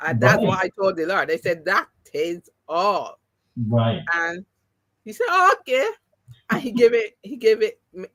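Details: Mild post-stroke aphasia in an adult woman who had three strokes (2017, 2018, 2019). The first was haemorrhagic, causing loss of speech and right-sided paralysis. Speech has been regained, but some words will never come back.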